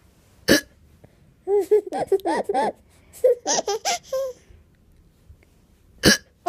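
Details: 7-month-old baby hiccupping with sharp hiccup bursts between bouts of hearty laughter; hiccups in an infant.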